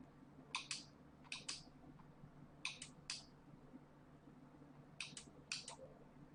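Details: Nd:YAG laser tattoo removal, second session on a professional machine, self-administered by a non-professional on star tattoos; sharp paired laser pulse clicks in small groups over quiet room noise.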